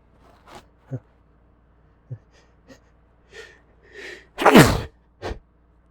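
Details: A few messy, spraying sneezes recorded on a phone: short catching inhalations build to a loud explosive sneeze, then a smaller follow-up burst; repeated sneezing.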